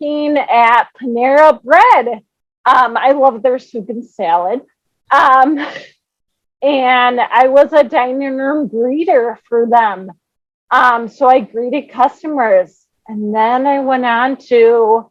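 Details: Adult woman born with cerebral palsy, diagnosed at about age two, told she might never walk or talk, treated with speech therapy in childhood; speech in cerebral palsy with mild dysarthria.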